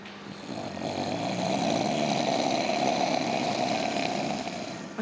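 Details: One long, loud, rough rattling snore sustained for several seconds, imitated by an adult man lying in a bed on a TV game show snoring contest: simulated snoring.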